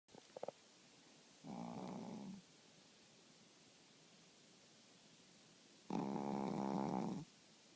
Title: Fat snoring bear